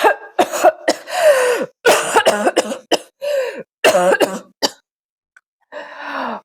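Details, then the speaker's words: Acted bout of about ten harsh, rapid coughs, then a strained voiced breath, imitating the persistent dry hacking cough that may point to whooping cough (pertussis) after a cold. "Почему не проходит сухой кашель? Вот подхватили вы простуду, повысилась у вас температура, вроде бы всё как обычно, но кашель никак не проходит."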